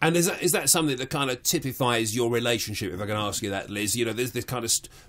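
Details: Adult male speaker, radio interview; normal speech.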